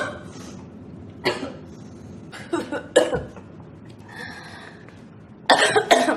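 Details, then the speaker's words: A girl repeatedly coughing dry coughs mixed with throat clearing and snorts, ending in a louder burst; she says the coughing makes her hot and makes it hard to breathe. A persistent irritable cough. "[cough] All this coughing is [clears throat] making it really hot and hard to breathe."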